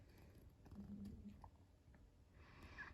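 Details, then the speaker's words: New puppy sleeping, soft low rumbling purr-like breathing under quiet room noise: faint snoring. "you can hear my pup my new puppy's sleeping snoring"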